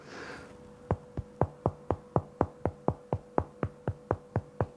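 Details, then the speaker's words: Finger percussion over the lungs demonstrated on oneself: repeated hollow, low-pitched taps over the air-filled chest, a normal resonant percussion note. "so if you're percussing over your lungs generally you'll get resonant sounds and that sounds like this okay"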